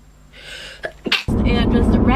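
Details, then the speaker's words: Single sharp sneeze from a young woman who tags allergies and sinuses: a quick gasping intake, then the sneeze burst followed by voiced sound. "I'm going to sneeze to look cute for I've always wanted to watch myself"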